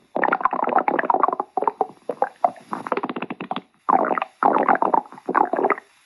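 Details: Bursts of gurgling, bubbly rumbles rising and fading in rapid pulses with brief quiet gaps: stomach growling (borborygmi).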